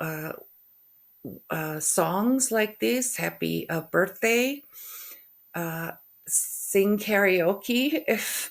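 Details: Aphasia after a stroke in a woman who also has functional neurological disorder, with halting speech, hesitations between words, word-finding difficulty (anomia) and stuttering; finding: aphasia.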